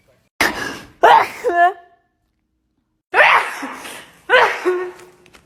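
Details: Two pairs of sharp inhale-then-burst sneezes with voiced catches, four sneezes in all, from a short sneezing compilation; ordinary sneezing.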